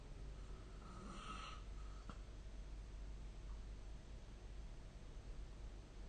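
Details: Snoring during sleep recorded with the SnoreLab phone app: a single soft, rough snoring breath rises briefly over steady low room rumble.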